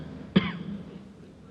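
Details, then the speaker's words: A single short, sharp cough from an adult man during a speech; he had been coughing for 4 weeks, reportedly linked to poor Jakarta air quality. Finding: cough. "sendiri diketahui sudah 4 Minggu menderita batuk"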